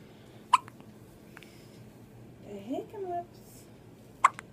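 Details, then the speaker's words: Hiccups while an adult asks "Do you have the hiccups?": two sharp, abrupt hiccups about four seconds apart, with a brief soft voice between them in a quiet room. "Do you have the hiccups? I'm gonna leave that sit right there, okay? Do you have the hiccups? Sure."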